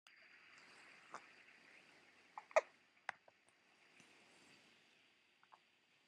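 Quiet room with a few brief, abrupt catching sounds at irregular intervals, fitting hiccups.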